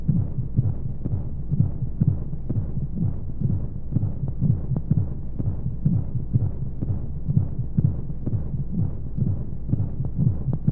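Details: Womb-sound sleep aid for babies: deep, muffled pulsing heartbeat at about 125 a minute over a low steady white-noise rumble, as heard from within the womb; heartbeat.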